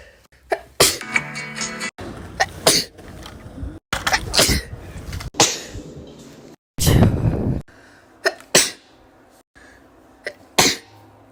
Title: sneezing for a minute pt.4